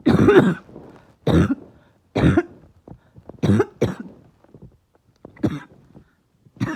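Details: Barking cough in a person whose chest is really hurting.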